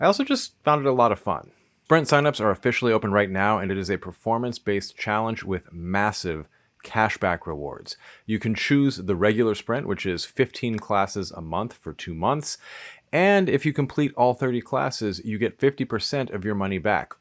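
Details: Adult male speaker; normal speech.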